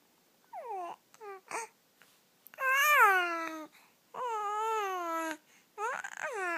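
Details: Soft vowel-like coos and short gurgles from an infant aged 13 weeks and 2 days, normal early vocal development.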